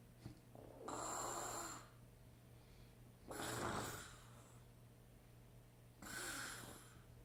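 Three loud rattling snores, about 24 a minute, each on a breath in, with a quiet room hum underneath; ordinary snoring.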